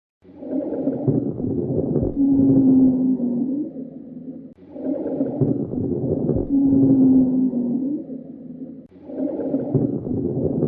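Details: Bronchiolitis lung sounds from an educational auscultation sound library: repeated noisy breaths with musical, whistling expiratory wheezes.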